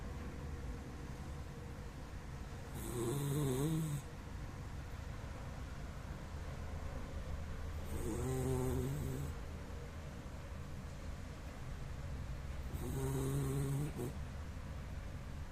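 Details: Dachshund dog snoring: three slow, rattling snores about every five seconds against steady room hum; snoring.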